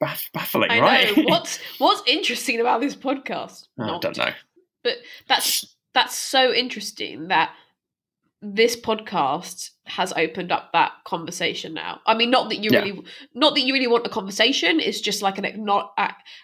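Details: Stammering in a woman who stammers herself, speaking as co-host of a stammering association podcast; real, not acted.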